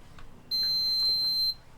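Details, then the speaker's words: Enteral feeding pump alarm during a child's overnight gastrostomy-tube formula feeding: a single loud, steady, high-pitched one-second beep sounding when the feeding bag runs out, loud enough to wake a parent. "after this bag runs out the the pump will sense that and it will start to beep and it beeps loud enough to wake up her mom or ey in the middle of the night"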